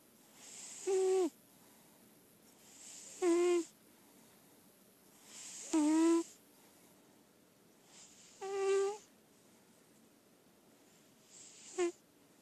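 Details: Senior indoor lilac point Siamese cat, owner reports perfect health: five high-pitched, whistling snores at about 23 a minute, each with a soft lead-in; heavy cat snoring.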